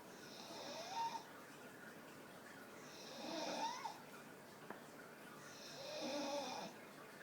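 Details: Staffordshire Bull Terrier sitting behind the owner, snoring with her eyes wide open: three drawn-out, fluttering snoring breaths, about 23 a minute, with soft hiss between them.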